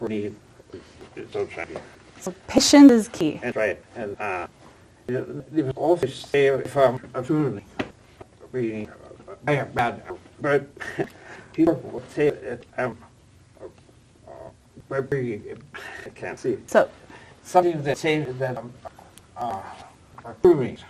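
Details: Adult with aphasia after a stroke at age 76, previously in a professional career, attending an aphasia conversation group with a speech-language pathologist; real patient speech showing aphasia.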